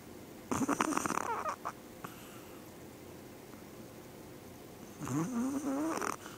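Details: Maggie, a small Yorkie dog, snoring while asleep, louder than the owner's other dogs: two rattling, purring snores about four seconds apart; ordinary snoring.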